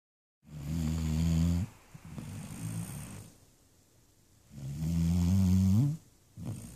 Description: My puppy labrador (enzo) sleeping and snoring loud !